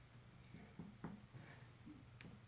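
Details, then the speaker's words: Several soft finger-percussion taps over the spleen area at the left 10th intercostal border during an abdominal exam give a hollow tympanic percussion note. "to hear some tympany."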